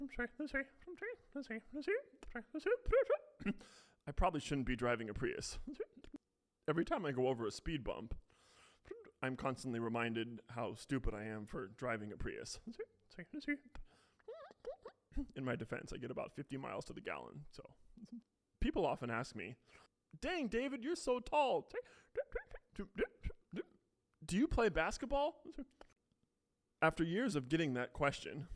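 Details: Adult male with Tourette syndrome, which he calls a pretty bad case; vocal tics with repeated words, stutter-like repetitions and blocks; he says he also technically has a stutter.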